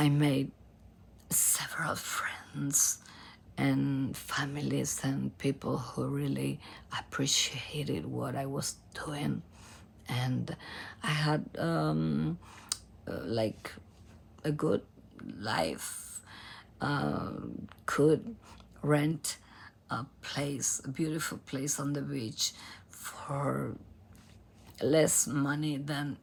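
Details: Adult female professional singer from Argentina with abductor spasmodic dysphonia, in which spasms open the vocal cords. Onset was in 2015, and it is treated with Botox injections.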